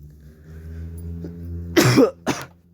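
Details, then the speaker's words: Adult apologizing for coughing fits: two harsh cough bursts after a steady low hum. "I have to watch this video all over again sorry about the coffin fits"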